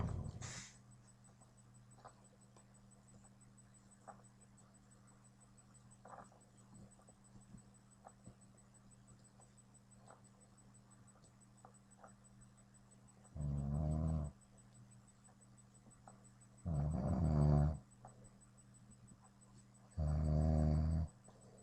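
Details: An adult man, a friend's father, snores: three loud, rough snores after a quiet stretch, about one every three seconds, over a steady room hum.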